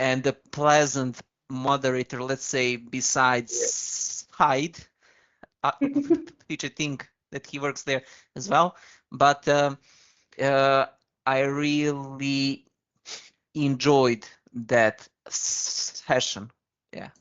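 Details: Man with a stammer who once spoke very slowly to control it; stuttering in conversational speech.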